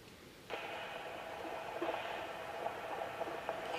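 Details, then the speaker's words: Fetal heartbeat on Doppler with gel, probe placed over the baby's back on the pregnant abdomen: Doppler hiss, then faint rhythmic pulsing of a normal fetal heartbeat. "the baby's heartbeat okay so once you get the heartbeat on the monitor um certainly you can look and see what it says but it's also nice to count it"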